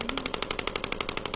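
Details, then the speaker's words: Shockwave therapy for tennis elbow (lateral epicondylitis) applied over ultrasound gel at the tendon attachment points: rapid, regular, sharp mechanical tapping about ten pulses a second, like a small jackhammer, the shockwave device delivering pulses. "not too bad yeah so this is really you know delivering that ultrasound wave into the tissue allowing things to break up and then repair mechanism to get reactivated and jump started"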